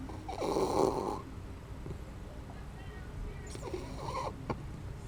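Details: Sleeping dachshund, said to snore loudly enough to wake herself at times; two rough, fluttering snores a few seconds apart with quiet breathing between; snoring.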